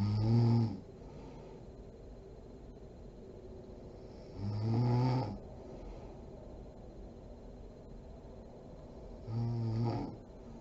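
Deep, rattling snores on breathing in, about every five seconds, roughly 12 to 13 breaths a minute, in a quiet room.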